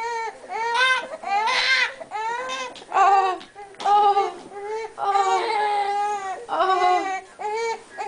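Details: Newborn girl crying while being swaddled in a blanket, apparently hungry and searching for food: repeated strong rhythmic wails with short breaths between cries and a clear voice; vigorous newborn cry.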